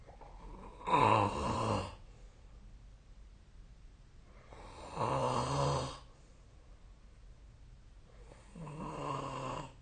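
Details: Real sleep snoring: three loud, rough snores about every four seconds, roughly 15 breaths a minute, with quiet pauses between.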